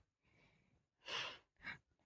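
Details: Acted snoring in a comedy skit: a soft breathy inhale, then loud snorting breath noises in a quiet room, as a character sleeps.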